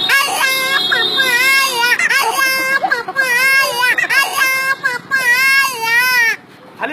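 Loud, high-pitched rhythmic wails from an infant in repeated bursts with brief pauses for breath: a typical infant cry.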